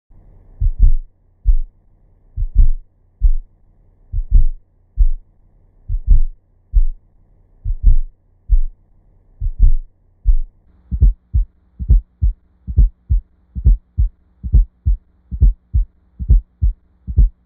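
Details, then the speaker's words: Simulated heartbeat with an extra soft sound just before S1, first in slow motion and then at real speed: an S4 atrial gallop in late diastole, best heard at the cardiac apex with the stethoscope bell. "The S4 heart sound is heard best at the cardiac apex with the bell of the stethoscope. It is heard in late diastily and is often described as an atrial gallop rhythm."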